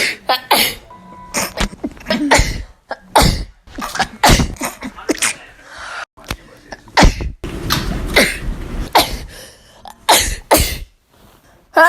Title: My sneezes u guys